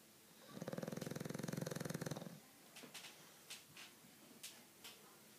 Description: My 7 month old bulldog mater snoring like a boussse